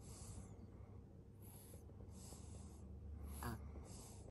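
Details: 4-month-old baby snoring while asleep: soft, quick, noisy breaths with faint snorting over low room rumble.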